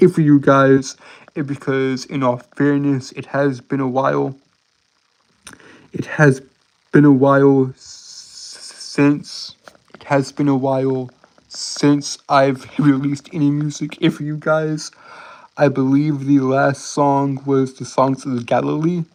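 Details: Adult male with a self-described severe speech impediment causing stuttering and tripping over words; word and phrase repetitions; stuttering.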